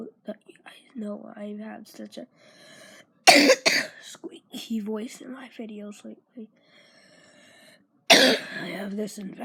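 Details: Horrible cough that has left the voice squeaky: two harsh, forceful coughs breaking up stretches of voiced sound in a small room.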